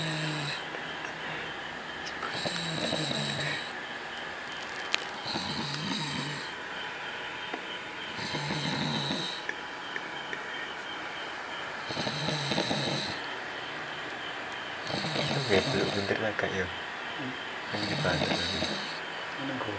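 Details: Rough, rattling snoring from a sleeping person, repeating regularly at about 24 breaths a minute over steady room noise.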